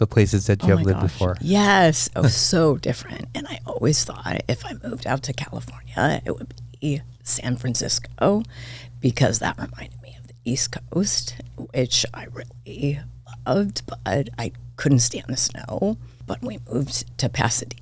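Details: Adult woman diagnosed this year with spasmodic dysphonia; vocal cord spasms make her voice cut in and out, sometimes hoarse; she attributes it partly to voice overuse as a podcast host and to stress; real, occurring during interview; spasmodic dysphonia.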